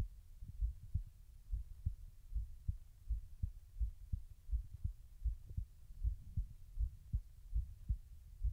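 Steady low thumps of a resting heartbeat, about 79 beats a minute, over a faint hum.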